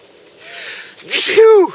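A quick indrawn breath followed by a sharp voiced burst, a single sneeze, with brief outdoor background.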